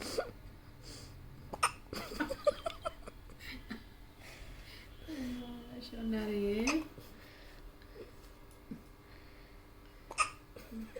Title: Hiccups of my love❤️ best video on internet today #babylove #babyhiccups